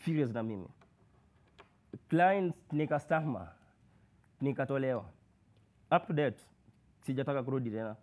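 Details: Male university student who has stammered since birth, with blocks, prolongations and repetitions; worse when anxious or in public; stuttering.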